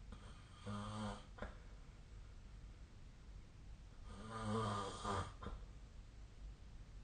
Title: 🐽 2024/12/16 本日のイビキ Snoring Sleep Sound